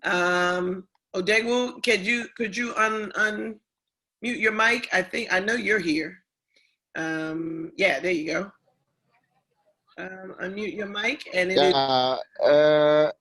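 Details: Adult speaker; ordinary speech.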